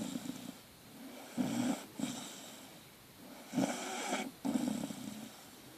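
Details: Sleeping Staffordshire bull terrier puppy snoring: soft, rhythmic, snorting breaths with a buzzing quality, two breath cycles heard.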